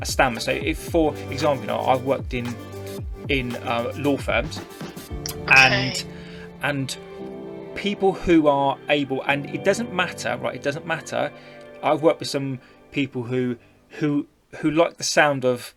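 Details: Adult woman who stammers, who also reports a vocal cord condition that sometimes stops her producing any sound and considers her stammer not that bad, speaking in a podcast interview: stuttering.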